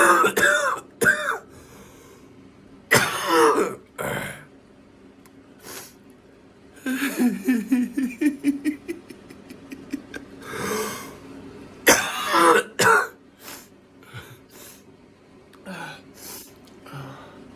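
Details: Several sharp, harsh coughs in short clusters, broken by a stretch of rhythmic laughter; cough.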